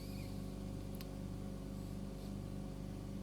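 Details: Ear microsuction removing wax from the ear canal: steady low suction hum with a brief crackle as wax is drawn in.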